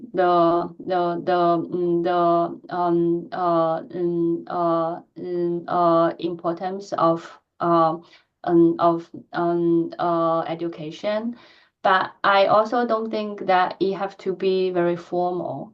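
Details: Stuttering in an adult woman who stutters, with repetitions and filled pauses; she reports physical tension when talking.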